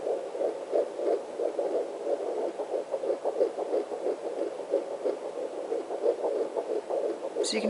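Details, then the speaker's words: Fetal heartbeat on Doppler, probe on the lower abdomen: rapid, regular galloping whoosh about 175–180 per minute, usually in the 170s, fast and distinct. "hear it's fast very distinct sound"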